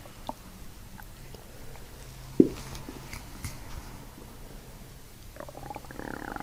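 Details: Bowel sounds (borborygmi), stomach release sounds heard during a chiropractic diaphragm manipulation while the patient takes deep belly breaths.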